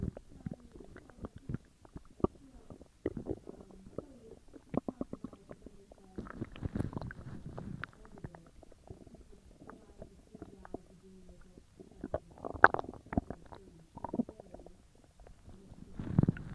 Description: The aftermath of my huge meal as it digests in my tummy